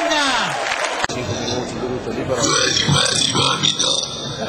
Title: GARA DI RUTTI - BURPS CONTEST